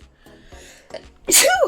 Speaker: okay this isn't working I don't know why it's not working I got to sneeze excuse me